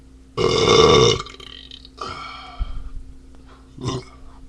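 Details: Person drinking beer and burping a lot: three loud, drawn-out belches, the first long and forceful, the others shorter; repeated burping.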